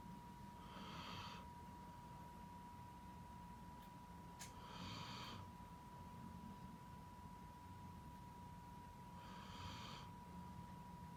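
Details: Dog snoring while sleeping after playing for a long time.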